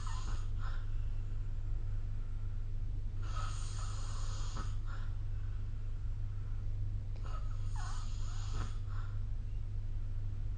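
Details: Rough, rasping snoring breaths during sleep, recorded on a phone with the SnoreLab app, behind a loud steady low hum.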